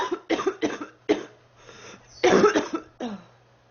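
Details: Rapid run of about six coughs in a few seconds, then a throat clear; persistent cough in a girl who says she has been sick for 3 weeks and feels unwell.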